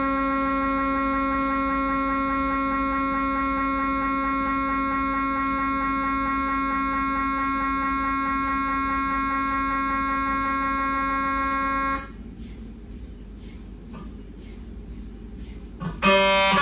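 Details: Siemens MAGNETOM Lumina 3 T MRI abdomen T2 HASTE sequence: loud steady buzzing drone, then quieter rhythmic knocks and a closing beep-like burst; MRI scanner sequence noise.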